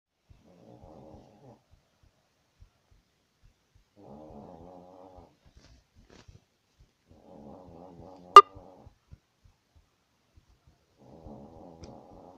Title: My dog snoring at night